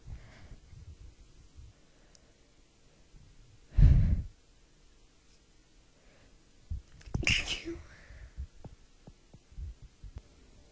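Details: Partly held-back sneezing, which the sneezer says worsens the spray: two sharp, explosive sneezes a few seconds apart, with quiet room noise between them.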